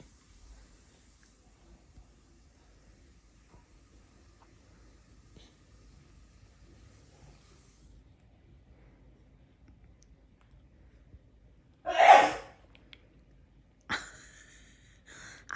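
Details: Single sharp sneeze burst in a quiet room from a young child playing with and eating banana, followed by a brief voice.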